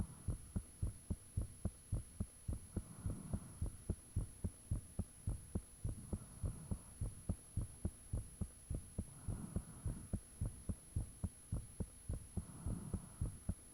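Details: Self-recorded heart sounds with fan off after heart suddenly became very thumpy: steady, strong heartbeat about 107 beats a minute, somewhat fast, faint whooshing between beats, valve sounds audible, steady background hum.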